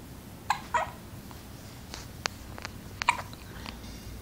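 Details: Newborn with several brief, sharp, squeaky catches spaced irregularly over four seconds; hiccups.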